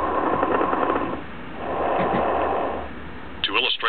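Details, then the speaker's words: Upper-lung breath sounds on the SAM patient simulator, heard by stethoscope: two noisy breath phases full of loud, bubbling, popping very coarse crackles. "breath sounds are easy to hear with sam place the stethoscope on the upper lung and listen to very coarse crackles"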